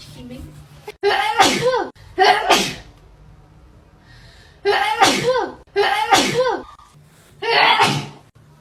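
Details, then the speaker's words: Young woman self-swabbing each nostril for 15 seconds in a Covid-19 nasal test gives five sneezes in quick succession with short breaths between; reflex sneezing triggered by the nasal swab. "And I do it in this nostril for 15 seconds. My gosh, I keep sneezing."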